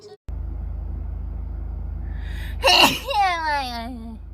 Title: 191001 TWICE Sneeze Compilation